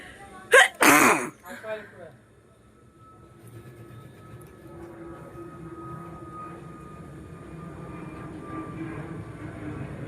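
A loud double sneeze at the start with a short voiced catch afterwards, followed by quiet background rumble; ordinary sneezing.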